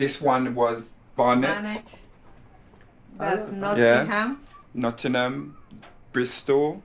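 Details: Former professional footballer, a man who had a stroke in January 2015 at age 36; good physical recovery but persisting language impairment with hesitant fluency and word-finding difficulty; aphasia (word-finding difficulty).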